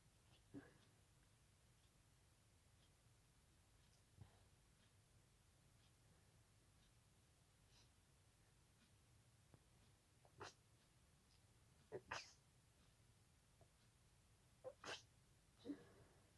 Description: Had a mysterious itch in my nose tonight which proceeded to a little sneezing fit. Tried to stifle them all... Sneezing quietly is hard 😅